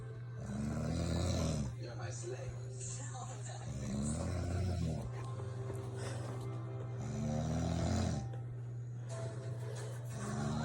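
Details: Adult woman snoring all night, keeping spouse awake: deep rattling snores recurring every few seconds, with music and talk over them; loud snoring.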